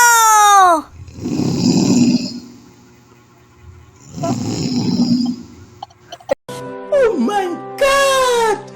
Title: SNORING TIME PART 1